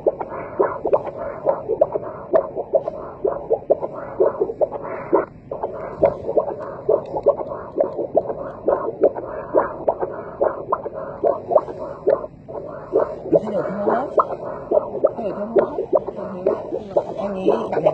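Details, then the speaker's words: Echocardiography Doppler flow signal of a normal tricuspid valve, focused from the four-chamber view: pulsing whooshes about 67 per minute over a steady hum. "Bình thường thôi đấy, tiếp tục đấy là van ba lá, van động mạch chủ, rồi tiếp là van động mạch phổi."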